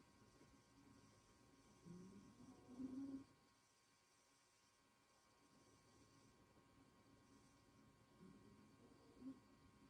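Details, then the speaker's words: Dog snoring loudly in the background: two low, rumbling snores about six seconds apart over a steady electrical hum, from a dog tired after a long run chasing a snowmobile. "Can you hear Roxy snoring in the background? It's pretty loud. She went for a big long run today, chasing the skidoo, so she's probably a little bit tired out."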